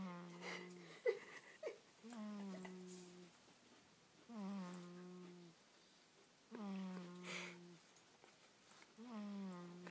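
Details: Snoring while asleep in a car seat.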